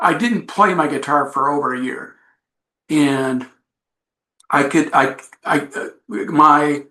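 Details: Adult man with aphasia after an accident. He says recovery is a long road but he is getting much better. Finding: aphasia.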